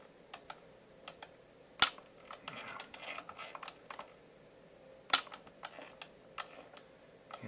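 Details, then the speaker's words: Two sharp, loud clicks a few seconds apart with softer ticks and rustling between: YAG laser shots aimed at a large dense vitreous floater in a male patient's left eye, the floater breaking up. "I focus that on the front surface there and you fire the laser and boom there's our first shot and you see it kind of dance around a little bit start to start to open and kind of break up a little bit"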